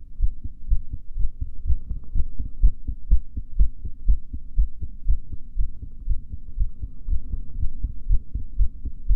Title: Female heartbeat during breath holding